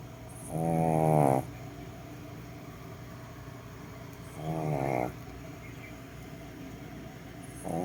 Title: do your pug snore like this too??